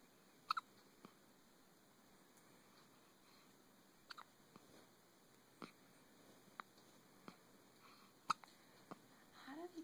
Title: Baby hiccups